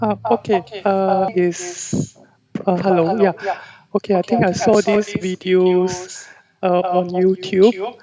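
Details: 34-year-old male with puberphonia since puberty (about age 11-12), lasting 20-22 years; the therapist attributes it to vibrating only the thin edges of normal vocal cords; recorded before voice therapy.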